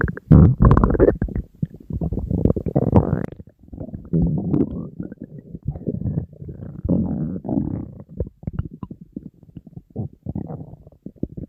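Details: Continuous low gurgling and rumbling from the empty stomach of a hungry person on a diet; stomach growling (borborygmi), a normal gut sound.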